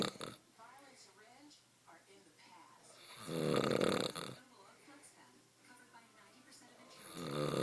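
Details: Two loud, rattling snores from a man, separated by quieter breathing, with faint room noise.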